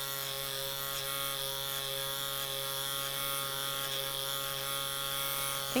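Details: Microneedling pen (0.5 and 1 mm needle depth) running continuously: a steady high-pitched electric whine during a demonstration on a patient's face, over wrinkles, expression lines and lateral acne scars, with slight bleeding noted.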